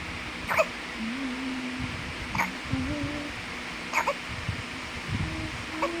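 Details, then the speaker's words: Newborn baby girl just woken, hiccupping loudly while trying to yawn: short, sharp hiccups recurring about every one and a half seconds over low room noise. "loud baby hiccup - father and mother are surprised with loud baby hiccup Baby is supposed to yawn but she hiccups at the same time."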